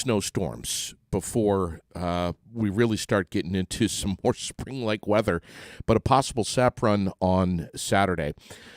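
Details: Adult male speaker; Normal speech.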